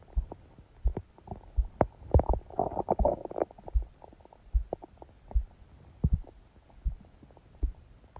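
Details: Low gurgles, soft thuds and a brief bubbling rumble while asleep, phone held on the belly by a book; heart sounds came through loud and fast; ordinary stomach growling (borborygmi) during sleep.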